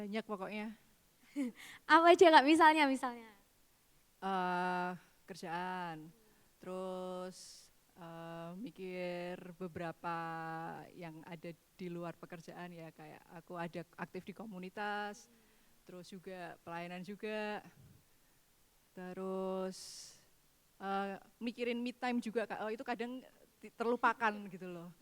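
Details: Adult woman speaking; normal voice.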